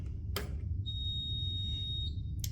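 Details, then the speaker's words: Datex-Ohmeda anesthesia machine power-on beep during machine check: steady high-pitched electronic tone over a second between brief clicks over room hum, confirming electricity after low-pressure system and vaporizer checks, before turning on the separate patient monitor. "and that beat means you have electricity so this will turn on this monitor"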